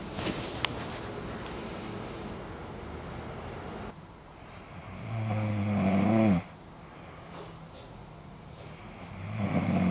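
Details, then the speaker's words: Adult snoring after anti-snoring adjustable mandibular splint fell out 5-6 minutes into sleep: loud, rattling inhaled snore swells over about two seconds and cuts off, another beginning, over room hiss. "牙套掉了之后，我就开始打呼，所以大家可以听到非常的大声。"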